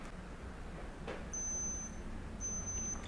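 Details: K3 non-contact infrared forehead thermometer: two short high-pitched electronic beeps over faint room noise, signalling its skin-temperature reading is done.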